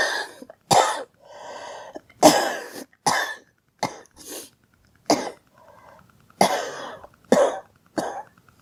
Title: Girl coughing 32